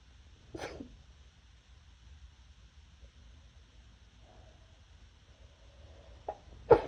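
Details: Muffled sneezing, deliberately suppressed so neighbors won't hear.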